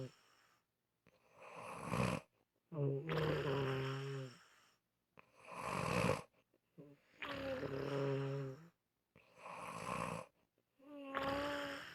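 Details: Unusual snoring sounds from a sleeper in a short audio recording; snoring.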